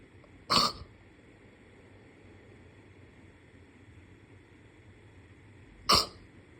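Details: Sneezing: two brief, sharp small sneezes about five seconds apart over quiet room noise.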